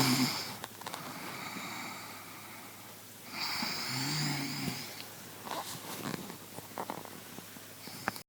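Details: Loud, drawn-out rough breath with a low rattling buzz, then softer breathing with clicks; snoring.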